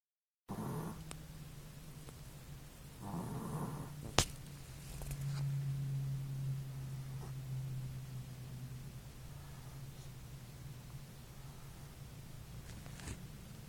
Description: My Chi, named Cihuy (means Yeeha), male energetic and far too cute puppy snoring while asleep.